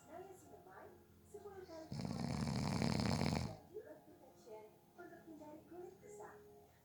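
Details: A sleeping adult on a short nap makes soft, irregular snoring breaths and one loud, rough snore lasting over a second: snoring.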